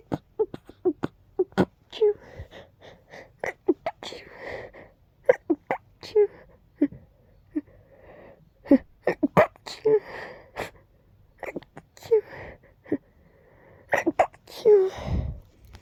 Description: When the tickle is so deep up your nose it makes you sneeze uncontrollably rapidly 🤧🤧🤧